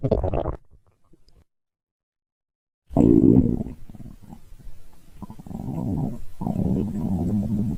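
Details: Stomach growling: low gurgling rumbles and bubbling, then a pause and longer rolling growls, from gas and fluid moving through the gut.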